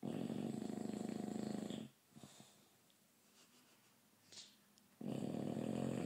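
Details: Loud, buzzing, fluttering snores on inspiration separated by quiet pauses from a sleeping bulldog, tired after an afternoon picnicking with other dogs.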